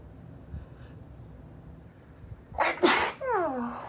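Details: Woman having allergic sneeze fits, deliberately making her sneezes high-pitched: a quiet build-up of breaths, then one sharp explosive sneeze and a short falling vocal sound.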